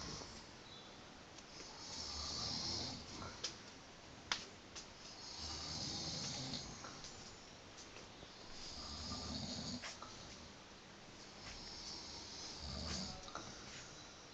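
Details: Two men snoring in Bulgaria: rough, rattling snores with each breath, about 18 a minute, against steady room noise.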